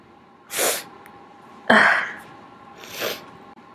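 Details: Sneezing person, who says they may be sick again and sniffle a lot, indoors; three sneezes within about three seconds over a steady hum, the middle loudest; ordinary sneezes.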